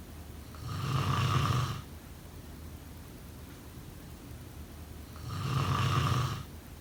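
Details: Snoring during sleep: two long, buzzing snores about four to five seconds apart, quiet between them in a still room.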